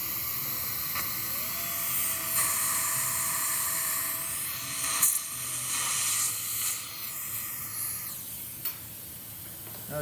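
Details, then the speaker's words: Dental implant surgery on a very thin ridge: a dental pilot drill with steady hissing water spray and faint high whine, making a small pilot hole as a purchase point before drilling through the surgical stent. "so i'll take this and i'll just make a small pilot hole for the pilot drill"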